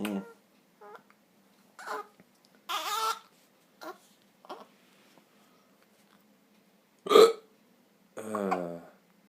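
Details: Father and his young son both hiccuping at 4 a.m., hiccups lasting since the previous night and possibly blamed on sausages eaten; short abrupt voiced gulps at uneven intervals, about eight in nine seconds, louder catch near the end; hiccups.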